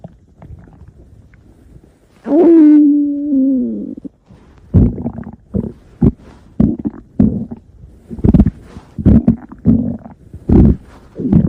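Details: Stomach growling (borborygmi).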